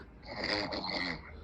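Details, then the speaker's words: Brief, loud, nasal snorting snore with a buzzing, voice-like quality from a sleeping man being called to wake; heavy snoring in sleep. "أنا نام ده يقول. لا ترجم لكم. يحكي بالشخير."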